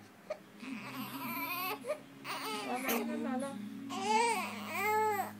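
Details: Baby during feeding and burping: soft fussing builds into a few short wailing cries, with quiet room noise; ordinary infant cry.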